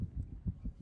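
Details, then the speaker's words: Fetal heartbeat on Doppler in a dramatized TV scene (Dead To Me): rapid, soft whooshing thumps. A woman examined after taking mushrooms hears it and learns she is pregnant. "what is it? It's your baby's heartbeat."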